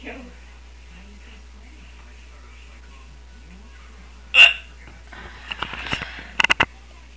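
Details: A person with hiccups that won't stop talks to the camera: a sudden sharp hiccup sound over quiet room noise, followed by a few brief clicks and rustles; hiccups.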